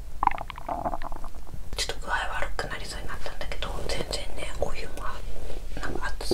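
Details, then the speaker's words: Woman during a 7-day fast: irregular bubbling gurgles and soft squelching rumbles over a steady low hum, active bowel sounds of gas and fluid moving through the gut. ""วันนี้จะมีเสียงPop-chapo""ในท้องของฉันเขย่า♪เขย่า♪""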